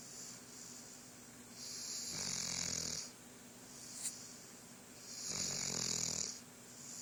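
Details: Snoring: two slow, noisy breaths, each with a low fluttering rattle, about 17 a minute over a steady background hiss.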